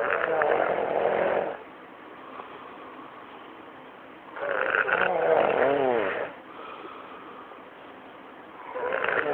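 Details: Snoring: rhythmic rough, fluttering snores on the in-breath, roughly every four seconds, with softer breathing between them.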